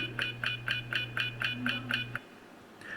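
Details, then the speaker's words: Rapid, evenly spaced metallic taps, about four a second over a low hum, from a Periotest dental implant mobility tester held at the proper distance; implant mobility tester tapping. "When you use perio test, you need to keep certain distance to measure. If you don't have that proper distance, you get this high-pitched sound like this. If you have a proper distance, this is what you're going to hear."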